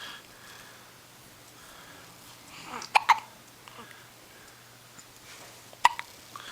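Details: A 10-day-old baby girl, whose whole body shakes with each hiccup, gives several short, sharp, abrupt hiccups in a quiet room. Hiccups.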